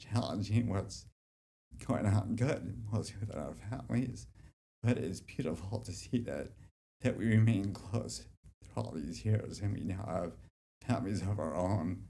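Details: Dysarthria due to generalized childhood-onset DYT1 dystonia since about age 7 in an adult man, affecting walking, speech and hands; formerly treated with vocal-cord Botox injections, on deep brain stimulation since 2005, with residual symptoms.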